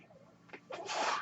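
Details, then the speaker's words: Real recording of a podcast host's own mechanical ventilator, heard as he introduces himself: a soft click and low murmur, then a rising rush of hissing air delivering a breath. Mechanical ventilator breath sounds. "My name is. That noise you're hearing is my ventilator."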